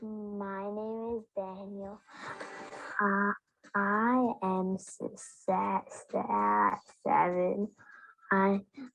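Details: 7-year-old boy who stutters, in a clip a speech-language pathologist played to demonstrate stuttering; stuttering.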